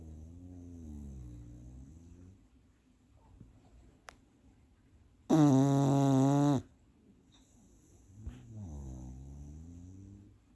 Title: Snoring Bulldog. Lilly's napping